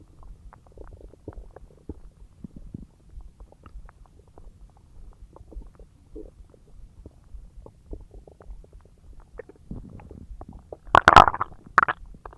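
Soft gurgling and bubbling, ending in a loud rumbling gurgle; normal digestion sounds after a large meal.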